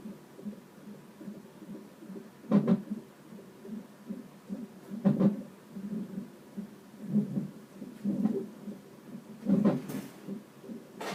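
Rapid whooshing fetal heartbeat on a Doppler monitor, with louder thumps every few seconds consistent with fetal hiccups.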